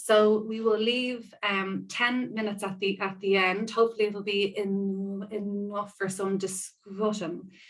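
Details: Woman who describes herself as a person who stammers; part-word and whole-word repetitions heard; stammering (stuttering).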